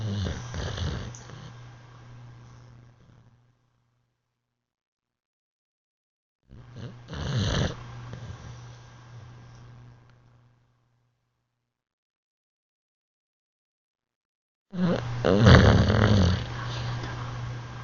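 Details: Female bulldog sleeping and snoring: loud, low, rattling snores over three slow breaths with quiet pauses between them; snoring.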